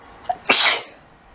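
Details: Woman during a sneezing fit: a short breath in followed by one explosive, hissing burst of air; single sneeze.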